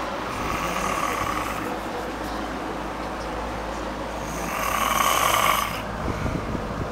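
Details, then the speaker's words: Loud, harsh snores about four seconds apart over steady fan noise, woman sleeping out cold in a cold room with window partly open; snoring. "Fan is going. It's like 0 degrees outside. That window we got open part way. And she is snoring."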